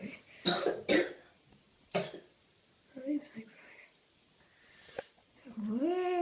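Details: Morning cough: three sharp, harsh cough bursts in quick succession, then a few quiet throat sounds and a brief voiced groan; plain cough.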